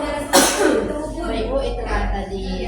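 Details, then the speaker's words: Village nurse demonstrates effective (huff) cough: three breaths in, mouth shaped "o", abdomen held, cough on the third exhalation. Single sharp, forceful cough burst, then quieter breathy exhalations. "Bapak Ibu saya akan mencatokkan caranya yaitu tarik penapus menggunakan Gung dan hembuskan dengan membentuk mulut o dan tarikkan napas kalinya menahan perut lalu"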